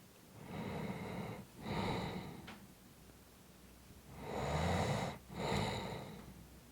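Two slow, rough breath cycles with noisy inhalations and snorting, harsh exhalations during sleep; snoring.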